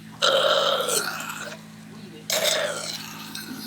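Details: Two bursts of wet, gurgling, rasping suction over a steady hum: airway suctioning of plentiful white phlegm, drawn out as the patient coughs; without coughing, nothing comes out.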